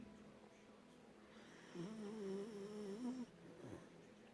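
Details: Hendrick, a 1-year-9-month-old Beagle, sleeping: a single drawn-out, rattling snore on an in-breath over quiet room noise.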